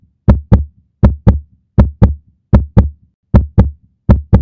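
Clean, regular paired thumps, lub-dub, at about 80 beats a minute against silence; a steady normal heartbeat.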